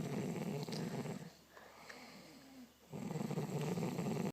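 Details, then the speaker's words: Mum and dad asleep holding hands, both snoring: a steady low, buzzing snore on breathing in, a brief quieter pause, then the rumbling snore resumes. "You're snoring, you're holding hands. That's weird. You're snoring too, Dad. You're snoring, Mum."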